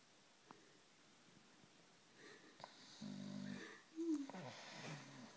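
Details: Asleep on the sofa: a short snore and a squeaky, whistling breath in a quiet room, light snoring.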